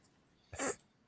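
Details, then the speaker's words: A single harsh, raspy hacking burst from a female dog heard through a phone; the owner says she had kennel cough, was treated, and may now cough for attention. "you're wondering what that noise, that's my dog hacking up along, coming through the phone."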